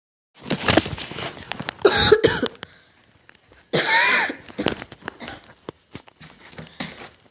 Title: Coughing